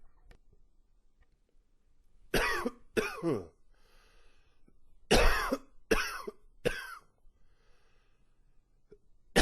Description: It's long and wheezy with a few gags in there.